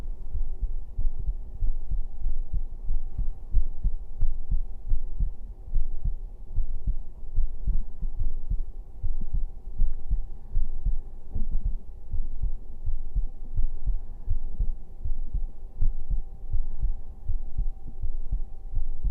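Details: Man's heartbeat heard from his chest during a bedtime ASMR stream: steady, regular low resting thumps with a faint steady hum behind; normal heartbeat.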